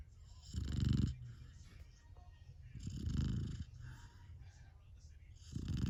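Low, rumbling snores from a sleeping puppy, about 25 a minute, with soft breathing between them.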